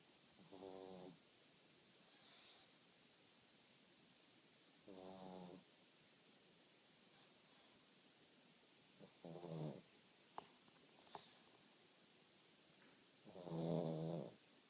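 Soft buzzing snores on each breath, about four in fifteen seconds, with faint whistling sounds between them; snoring in a flat-faced dog.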